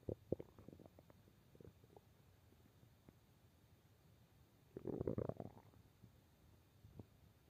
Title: Stomach growl